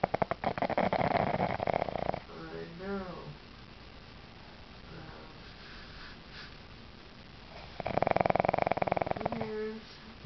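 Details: A pug snores loudly with rattling snores, with high squeaky whistles between them as air passes the narrow nose.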